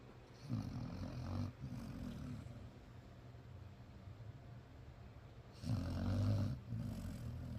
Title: When your dog is the loudest snorer in the room